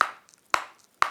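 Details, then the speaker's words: Adult with Tourette syndrome demonstrates a teeth-clacking motor tic, loud sharp clacks repeating about every half second, painless to them though forceful. "Puis après ça, j'ai commencé à claquer des dents."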